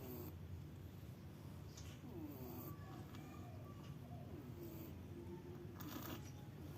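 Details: A sleeping cat snoring: a soft, steady low rumble, with faint chirping in the background.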